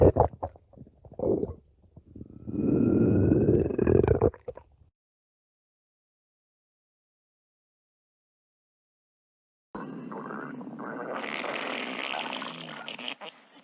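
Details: More than five minutes of a person's stomach growling: low, bubbling gurgles and rumbles; borborygmi.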